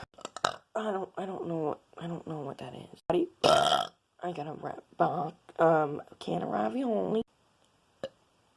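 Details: Person deliberately burping: a long run of loud, voiced belches one after another in a small room; repeated burping.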